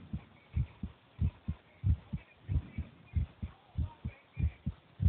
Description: this is the racing and resting heartbeat of my 10 years old cousin.